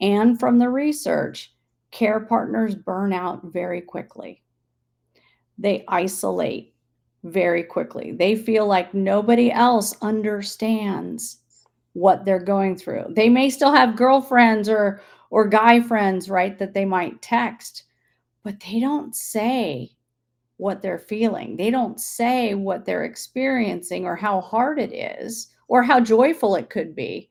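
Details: Adult woman; Normal speech.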